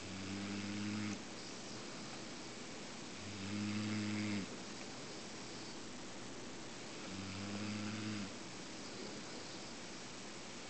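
Three loud, low, rumbling snores about a second long each, roughly 17 a minute, with quiet room noise between them; ordinary snoring.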